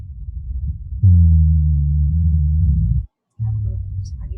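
Low-pitched, snoring, continuous breath sounds: rhonchi, typical of chronic obstructive lung disease.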